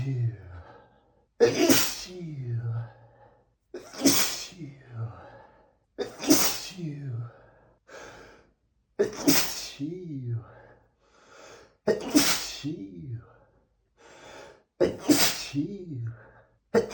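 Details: Male sneezing, from 100+ sneezes recorded on the same day: six forceful sneezes in a row, each with a sharp indrawn breath before and a short voiced trailing sound after.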